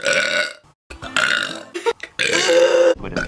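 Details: Compilation of one person's burps: several long, loud, voiced belches in quick succession with brief pauses between them; repeated burping.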